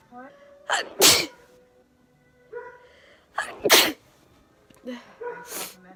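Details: Three acted, dramatized sneezes by a sad goblin character, each a voiced build-up then a sharp explosive burst.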